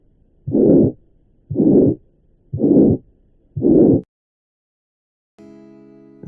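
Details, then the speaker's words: Pediatric pulmonary valve stenosis without ventricular septal defect: a long, harsh systolic murmur at about 58 beats a minute, more prolonged than the VSD murmur, with a faint, less evident second heart sound. "Aquí tenemos la comparativa con un soplo de estenosis valvular pulmonar sin comunicación interventricular, donde el soplo es más prolongado y el segundo ruido no es tan evidente."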